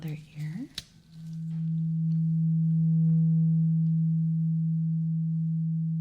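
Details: Steady, pure humming tone of a struck tuning fork, slowly fading, in an ASMR role-play ear exam. It is a hearing test with eyes closed for simulated clogged ears from wax build-up, before cleaning.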